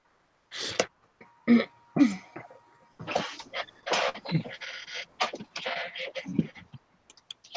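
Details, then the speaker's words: A run of harsh coughs and throat-clearing, then muffled breathy sounds: a coughing fit in a man who is sick and on medicine. "okay so that wasn't from that that was me just having a coughing fit"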